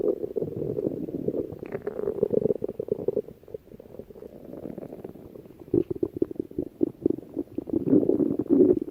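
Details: Stomach growling: low gurgling and bubbling rumbles from an adult stomach, ordinary bowel sounds (borborygmi) of gas and fluid moving.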